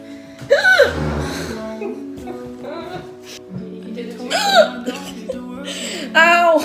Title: wired and loud hiccups